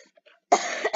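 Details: A sick gamer coughs while recording: a single abrupt cough after a moment of quiet.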